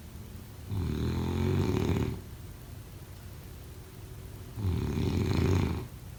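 Two loud, low, fluttering snores on breathing in, about four seconds apart, over steady room noise; snoring.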